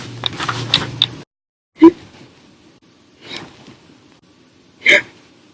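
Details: Violent to silent hiccups lasting hours, occurring after drinking soda after dinner; sharp brief gulping sounds about every 1.5 seconds in a quiet room after brief rustling; hiccups.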